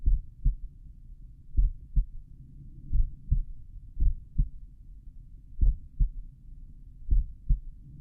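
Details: Own adult heart recorded by stethoscope at the mitral area while lying on the back, slowed playback: paired low thumps repeating steadily, stretched out by the slow playback.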